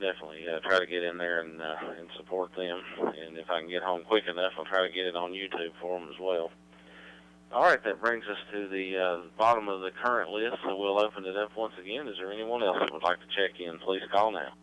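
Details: Adult man over radio; normal voice.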